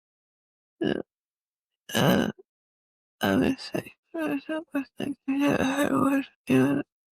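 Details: Severe ataxic dysarthria with slurred speech in a woman with cerebellar-type multiple system atrophy (MSA-C).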